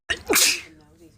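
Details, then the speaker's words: A single sharp, hissing sneeze with a brief voiced onset, then a short fading breath, from a woman with bad morning allergies who can't stop sneezing. "Good morning to me, not being able to stop sneezing. What? Just sneezed all over my phone."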